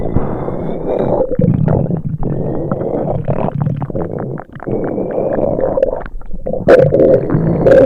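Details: Sound-effect recording of an upset stomach: loud, continuous low gurgling and rumbling with bubbling bursts; stomach rumbling.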